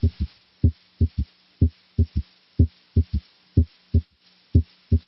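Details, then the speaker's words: Simulated example of an audible S3 heard with the stethoscope bell: regular heartbeat near 60 a minute with a dull, low extra sound after S2, disappearing with firmer bell pressure; third heart sound gallop. "If the patient had an audible S3, it would sound like this. Now, notice how the third heart sound disappears when the bell is placed more firmly on the chest wall."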